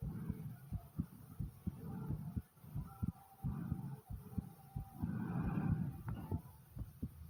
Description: As you listen to my heartbeat you get to hear my deep breathing and even my stomach like comment subscribe and enjoy #heartbeat #breathing #stomach